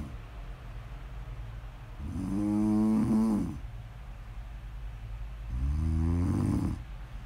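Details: Woman asleep: two loud rattling, buzzy inspiratory snores, roughly 17 breaths a minute, quiet breathing between; snoring.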